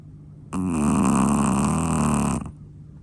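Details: Sleeping chihuahua: one long, loud, vibrating snore lasting about two seconds; snoring in a small dog.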